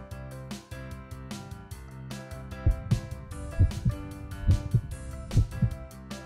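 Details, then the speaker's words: Simulated normal heartbeat heard through a stethoscope on a person judged very healthy: steady paired lub-dub (da-dum) thumps at about 67 per minute over music. "Yes, that's a good da-dum, da-dum sound. You're very healthy."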